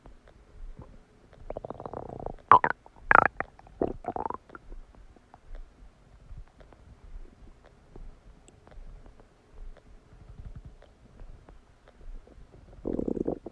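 Irregular gurgling and rumbling with a few louder squelches. Normal stomach and bowel sounds of digestion.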